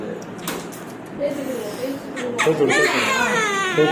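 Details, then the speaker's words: Baby's first vaccination: rising, intense infant crying after brief fussing while the baby is held tightly for the injection; pain cry. "பாப்பாவுக்கு முதல் தடுப்பூசி போடுறோம். பாப்பா ரொம்ப அழுதுட்ருக்காங்க, ரொம்ப கஷ்டமாக இருக்குது."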